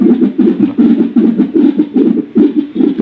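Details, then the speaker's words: Fetal monitor (Uniwer UMS FM+) Doppler probe held in hand for testing, not placed on the abdomen, volume raised: loud, uneven whooshing pulses, no fetal heartbeat. "Just test ചെയ്യാൻ വേണ്ടിയിട്ട് ആയതുകൊണ്ട് probe ഞാൻ കയ്യിൽ പിടിച്ചിരിക്കുകയാണ് നമ്മൾ വയറിൽ വെച്ചിട്ടില്ല"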